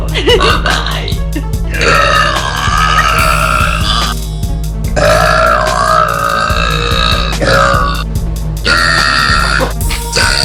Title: Girl Burps